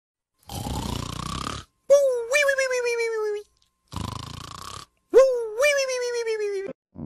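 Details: Exaggerated cartoon snoring of the character Mr. Lazy: a rasping in-breath followed by a whistling, wavering out-breath, repeated twice; snoring.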